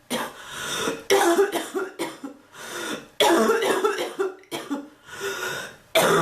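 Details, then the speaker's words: Repeated harsh coughs in clusters, about six bouts in six seconds with throat clearing between, from an adult woman whose cough is not improving, likened to past bronchitis; a persistent, frequent cough. "I've been coughing so much the bird learned to cough. Like, really?"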